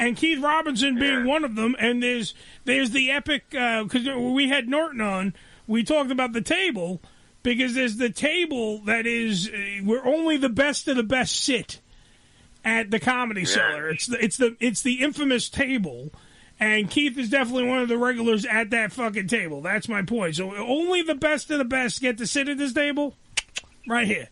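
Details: Adult man talking; Ordinary speech.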